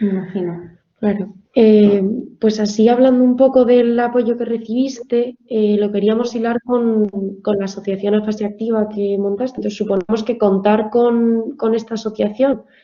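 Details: Adult woman speaking Spanish; normal speech.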